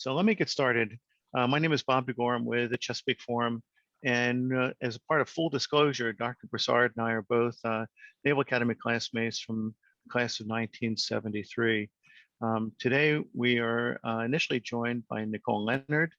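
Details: Adult male speaker; normal speech.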